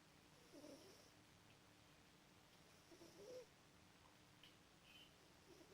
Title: Snoring Max the Cat (shhh listen carefully)